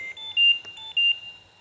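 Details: Trilogy 202 ventilator demonstrating a Low Minute Volume alarm that triggers when the patient's breathing rate or volume falls below the set limit: repeated high, shrill electronic beeps in a quiet room.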